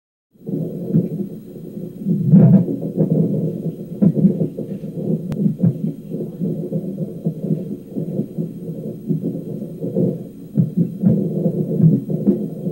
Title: with the hiccups 1/6/17